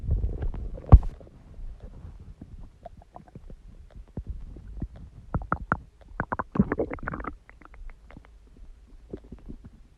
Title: Stomach Growling Sound | My Stomach Makes Noises